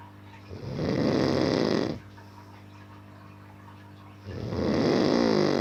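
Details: Loud rattling snores on inbreaths about four seconds apart, with quiet breathing between, from a man in deep sleep; ordinary snoring.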